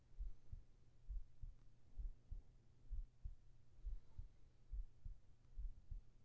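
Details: ASMR heart-sound recording for sleep with whispered voice, female-oriented: steady, soft, low lub-dub thumps, about 67 beats a minute, over a faint hum; a regular heartbeat.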